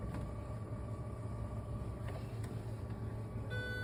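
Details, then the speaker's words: B. Braun Dialog iQ dialysis monitor, patient connected via arteriovenous fistula: steady machine hum, then a steady electronic alarm tone signalling blood detected throughout the circuit; the alarm can be silenced to start treatment. "Cuando la máquina observa que ya tiene todo el circuito con presencia de sangre, nos alarma con una señal acústica, la cual podemos anular y, por seguridad, comenzar."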